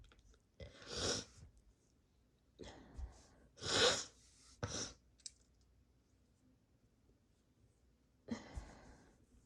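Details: Induced sneezing: several quiet, breathy sneezes with gaps between them, a few normal and a few half-stifled and cut short.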